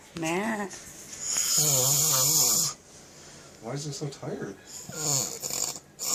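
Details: A sleeping female snores while being picked on; she is said to sound like a chihuahua.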